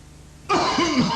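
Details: Acted adult cough in an old cough-medicine advertisement: a quiet half-second, then one harsh, throaty cough burst with a rough, clearing quality.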